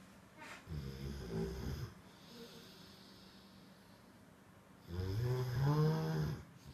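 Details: Cane Corso dog snoring: two loud, low, rattling snores separated by quiet breathing.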